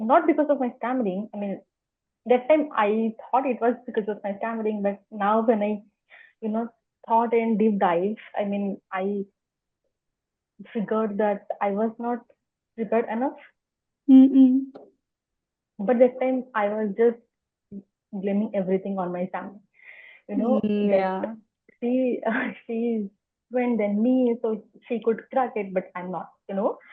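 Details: Adult woman who has stammered for as long as she can remember, speaking spontaneously in an interview; stuttering.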